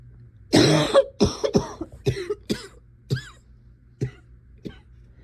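A run of about eight coughs, the first loud and harsh, the rest shorter and fading; chesty repeated coughing.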